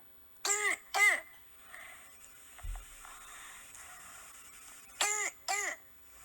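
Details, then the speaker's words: Four harsh, high-pitched, seal-like barking coughs in two pairs from a young child, typical of croup, which is described as common in 1- to 2-year-olds, especially at night. "They usually cough like almost like a seal-like barking."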